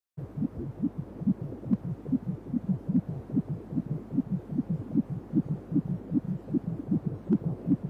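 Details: Fetal heartbeat heard during a 3D/4D ultrasound baby scan: rapid, regular whooshing pulses at about 150 a minute.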